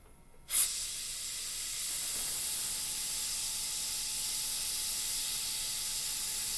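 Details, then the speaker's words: Aquacare (Velapex) air abrasion unit abrading hard tooth enamel quickly and evenly to expose decay, with no anesthetic, rubber dam and a celluloid strip on the adjacent tooth: after a brief quiet start, a steady high-pitched spray hiss. "Notice that the enamel, which is relatively hard, does in fact abrade rather quickly and rather evenly."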